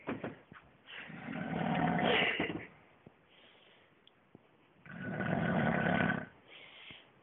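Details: Adult man snoring in bed, filmed by his wife: two long, loud, rumbling snores on the in-breath, each followed by a softer out-breath, in a quiet room.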